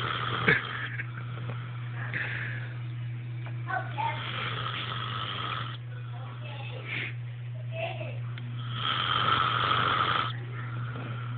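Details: Rough, rattling breathing sounds recurring during sleep, over a steady low electrical hum; snoring.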